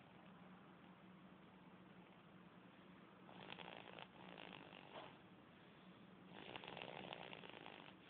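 Soft, rough breathing noises on inhalation from a sleeping baby over a steady hiss of room noise: gentle snoring.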